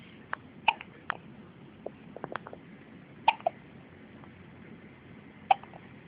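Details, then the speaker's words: Newborn baby boy, who also hiccuped constantly in the womb: sharp, brief gulping hiccups, about six in six seconds, irregularly spaced; infant hiccups. "I'm an Irish boy I had hiccups all the time and mommy's belly"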